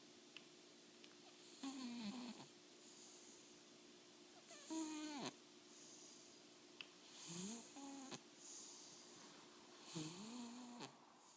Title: Super adorable Oliver kitty snoring